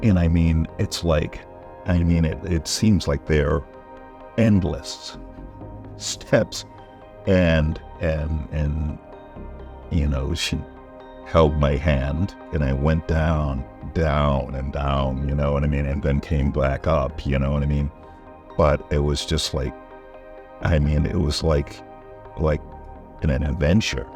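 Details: Aphasia in a patient during recovery, seen at an aphasia resource center.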